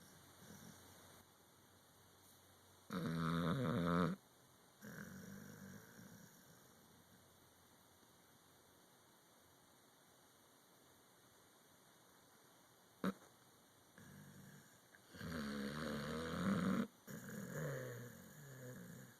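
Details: Pit bull dog snoring and dreaming in sleep: loud, low, rattling snores recurring in bursts, with quieter breaths and soft dreaming sounds between, in a quiet room.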